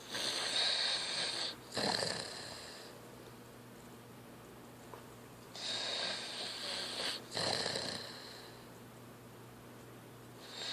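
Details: Teenager snoring after falling asleep during a movie.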